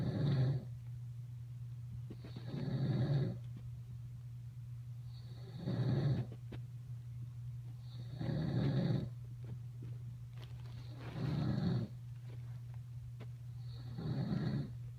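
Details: Adult male (father) snoring in sleep: regular, loud, rough, rumbling snores about every 2.8 seconds, roughly 21 breaths a minute, over a steady low room hum.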